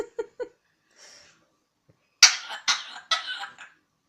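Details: Pet parrot imitating a cough: a few short chirps and a soft hiss, then three harsh, explosive cough-like bursts: imitated cough.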